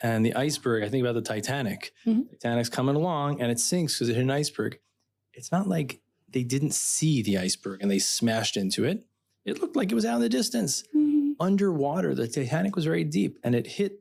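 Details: Adult man speaking; typical speech.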